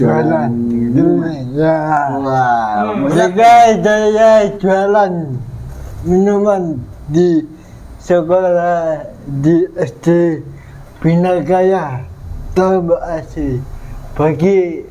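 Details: 22-year-old man with cerebral palsy (physical disability), which was linked to a difficult, delayed delivery at birth; dysarthria (cerebral palsy).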